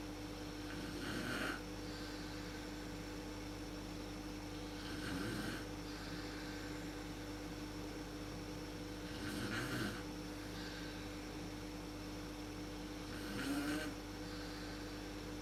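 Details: Adult woman (mother) snoring in a dark room, worst at sleep onset, recorded on a PowerShot SX130 IS camera: four soft, rough snores about every four seconds, roughly 15 breaths a minute, over room hum.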